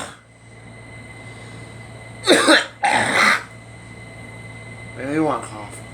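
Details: Two harsh cough and throat-clearing bursts followed by a brief voiced sound; coughing and throat clearing blamed on allergies.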